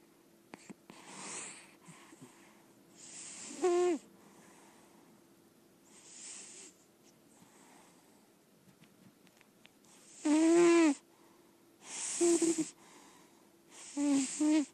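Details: Senior lilac point Siamese cat, indoor-only and in good health per owner, snoring heavily while asleep: rhythmic breathing with loud whistling, squeaky snores on several breaths and softer airy breaths between.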